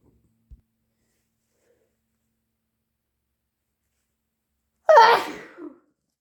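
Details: Natural allergy sneeze: after near silence, one loud, abrupt, wet sneeze with a brief trailing breath.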